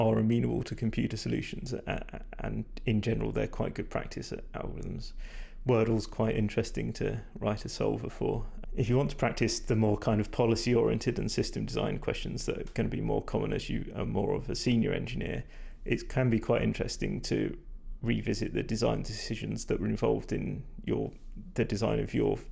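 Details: Male speaker with vocal fatigue from prolonged talking without drinking enough; he describes his voice as degraded, stressed and not at its peak condition.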